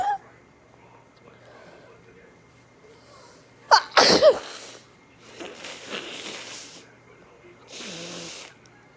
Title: induced handkerchief sneezes